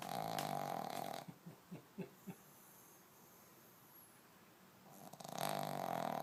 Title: Pug snoring loud!!